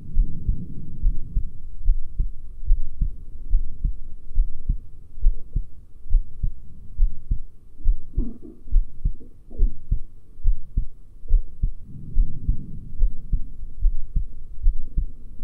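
Regular low heartbeats at about 72 a minute through a stethoscope, with rubbing and handling noise in places.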